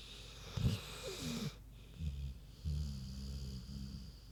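Deep, rattling, grunting snores from a sleeping pig with a faint whistle on the breath. Normal snoring in sleep.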